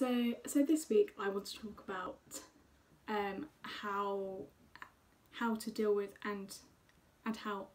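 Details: Woman who stammers, with a stammer formerly more prominent and less controllable, speaking; stammering.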